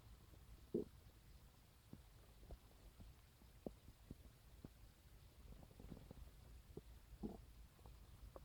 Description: this morning i woke up to the sound of my stomach and decided to record them with my phone for you guys ^-^